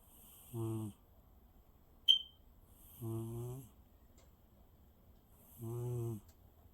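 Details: Cat sleeping contentedly: three soft, buzzy snores spaced a few seconds apart in a quiet room, with one brief high click between them; snoring.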